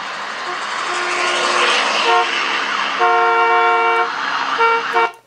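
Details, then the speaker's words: Normal hearing reference in the Starkey HLS hearing loss simulator app: traffic noise with several car horn toots. "let's go somewhere up here and let's just do normal hearing first of all"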